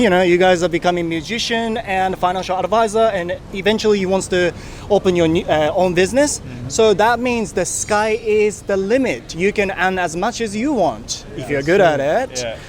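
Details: Adult man speaking outdoors; Normal speech.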